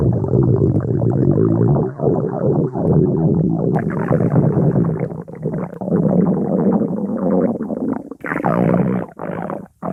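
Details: A person's stomach growling, 3-minute version: loud, nearly continuous low gurgling and rumbling with warbling, squeaky twists and brief pauses (borborygmi).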